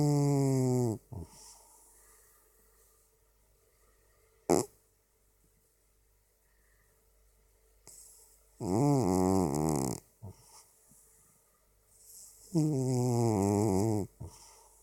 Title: Katten Atlas snarkar // Atlas the snoring cat